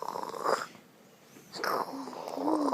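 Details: A sleeping baby snoring lightly, with soft rattling, snorting breaths and brief quiet pauses between them.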